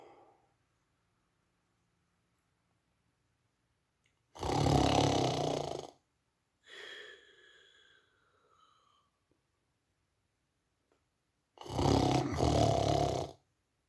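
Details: Two loud, rough snoring breaths separated by a softer exhalation from a sleeper in a quiet room; snoring.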